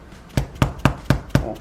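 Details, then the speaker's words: Mallet percussion in manual spinal correction at thoracic vertebrae 6–8, given for degenerative knee arthritis: five sharp, evenly spaced thuds about one every quarter second along the mid-back. "이와 같이 이제 망치로 교정을 하게 되면 위험성을 말씀하시는 분이 있는데"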